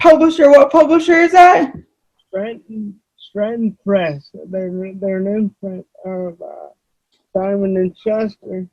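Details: Adult male with cerebral palsy; dysarthria (cerebral palsy).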